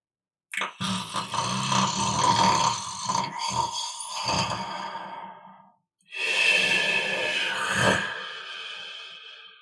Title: Snoring while sleeping